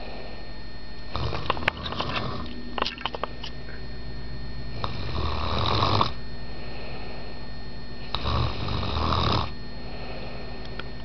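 Rough, low rattling snores in repeated bursts several seconds apart over a steady background hum, typical sleep snoring.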